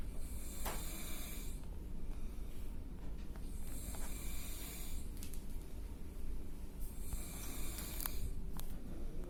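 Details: Person asleep in an office room at work, recorded by a coworker: loud, deep snoring with hissy breaths and snorts over a low room hum.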